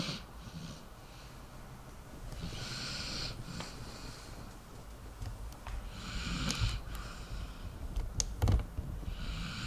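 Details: Sleeping dog snoring.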